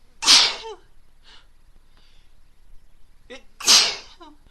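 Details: Female stifling sneezes until they break through: two forceful, hissing sneezes about three seconds apart, with small stifled catches of breath between them.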